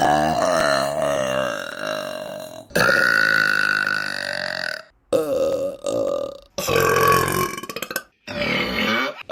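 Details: Several long, loud, drawn-out belches one after another, separated by brief pauses, from a burping compilation; repeated burping.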